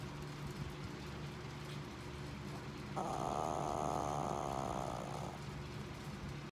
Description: Tiny dog. Big snore.